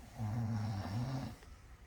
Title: When a Kitten has Never Heard a Human Snore 😄 🤣